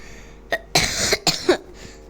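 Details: A boy who says he has a cough, playing an online chess lesson: a run of three or four harsh, noisy coughs with faint room noise behind.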